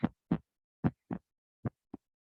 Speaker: is caused by the closing of the AV valves after the Atria have pumped blood into the ventricles the second heart sound dubbed or S2 originates from the closing of the aortic and Pulmonary valves right after the ventricles have ejected the blood